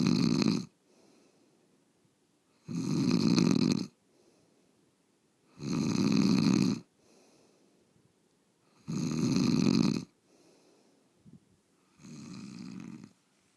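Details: Adult bed partner snoring: long, loud, rough snores on each in-breath, about 20 breaths a minute, with quiet out-breaths between.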